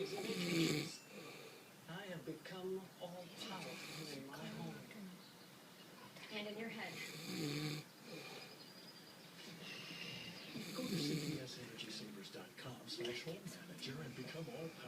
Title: Dad snoring